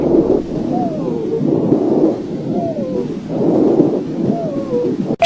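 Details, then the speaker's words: Stethoscope lung sounds during an asthma attack: high, musical whistling tones sliding downward through each breath; asthmatic wheeze. "这是哮喘发作时的哮鸣"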